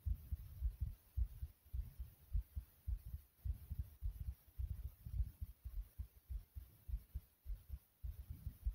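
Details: A person's own fast heartbeat (tachycardia): rapid, steady beats at about 105 a minute.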